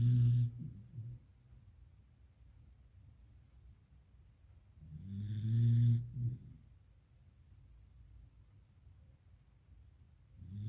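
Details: Soft, low snoring sounds recurring every few seconds with quiet pauses between breaths; a beagle puppy snoring in deep sleep.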